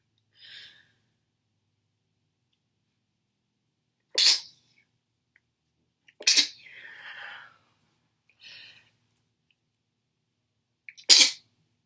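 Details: Girl, after something that burns: three sharp, explosive sneezes, some stifled, with quick breaths, sniffs and nose blowing between: sneezing fit.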